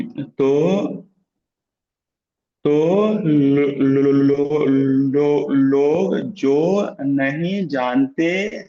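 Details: Man who stammers, in natural speech rather than voluntary stammering, with audible word repetitions; stuttering.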